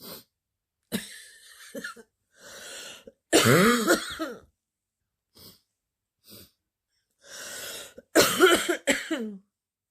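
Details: Girl with a bad stuffy, wheezy cold: several harsh, deep coughs in short bouts with a hoarse, barking edge and throat clearing; barking cough.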